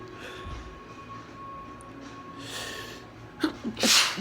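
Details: Spring-allergy sneezing into a handkerchief: quiet room noise, then a short inhaled catch and a partly muffled sneeze; strong perfume mentioned.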